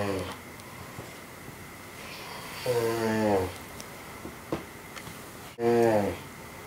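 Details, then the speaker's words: Loud snorting snores with a buzzing, tonal quality and quiet pauses, from an adult man sleeping in a small room at 6:45 am, keeping a companion awake; snoring. "I'm awake because of some serious snoring going on. I'm not going to say who this is."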